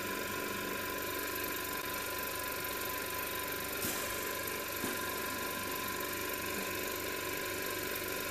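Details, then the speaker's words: Respironics Millennium oxygen concentrator (pressure swing adsorption) running with its cover removed during a teardown. Steady loud mechanical hum with rapid rattling vibration from a very shaky compressor. "that's a very shaky compressor actually"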